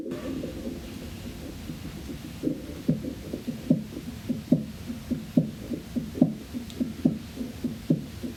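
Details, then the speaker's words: Manual blood pressure measurement with a stethoscope over the brachial artery as the cuff slowly deflates: soft regular Korotkoff tapping at about 71 per minute, first sound marking systolic pressure. "we heard a little bit of sounds beforehand then we heard no sounds and as we started to release the cuff we we had the first cor cough sound which is the systolic blood pressure"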